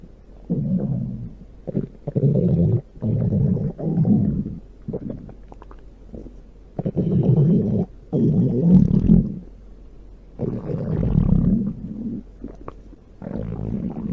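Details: Loud, deep, prolonged gurgling rumbles in repeated waves from the belly: pronounced stomach growling (borborygmi).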